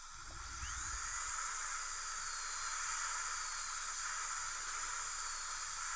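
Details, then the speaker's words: Steady high-pitched hiss of a high-speed dental handpiece with ultrafine diamond bur and heavy water spray, contouring a young woman's central incisors during Lumineers veneer preparation. "I got this in so I like to use this ultrafine diamond but a lot of high speed water spray you're going to narrow these Central's open wide that's good"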